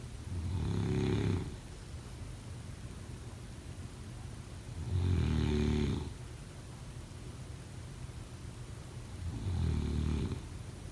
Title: Snoring sounds